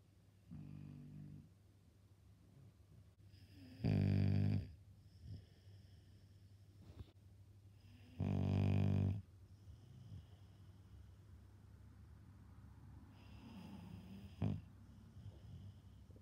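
Loud, low, rattling snores, about three in sixteen seconds, over a steady low room hum.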